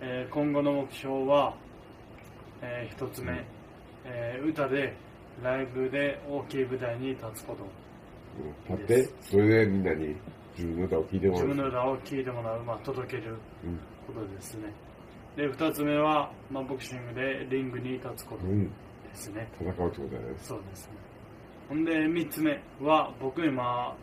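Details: Dysarthria after diffuse axonal injury, with higher brain dysfunction and left hemiparesis; self-introduction recorded about a year earlier.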